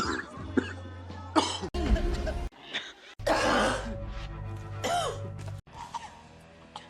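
Several short acted coughs and throat clearings cut together from films, with music and background effects underneath.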